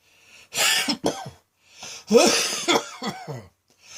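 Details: Two clusters of harsh, forceful coughs in quick succession with a strained vocal edge; a heavy midday coughing fit that left the person feeling light-headed.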